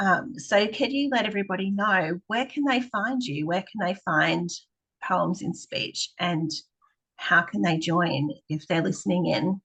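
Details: Adult woman speaking; normal speech.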